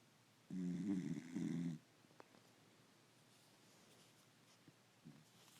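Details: A dog asleep on the owner's lap gives one loud, rattling, buzzy snore lasting about a second, then breathes quietly over room noise.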